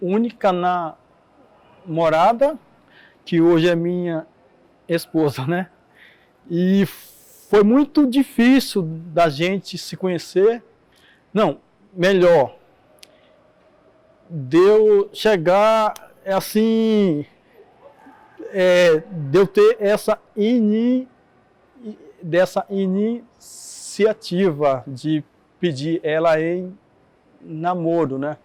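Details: Adult man with stuttering present since his school years in the 1980s, with audible repetitions such as 'eh eh eh eh'.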